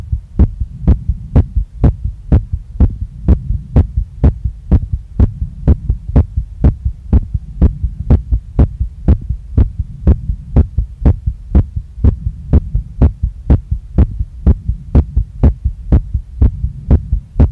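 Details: Very fast, strong, regular pounding heartbeat at about 120 beats a minute in a female after a workout. It won't calm down, is felt in her chest, neck, face and stomach, and visibly moves her chest. Sinus tachycardia after exercise.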